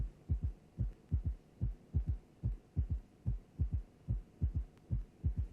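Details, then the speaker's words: Cardiac auscultation teaching example of a third heart sound (S3), which is slowly removed and then reintroduced. "Now we will slowly remove the third heart sound and then reintroduce it."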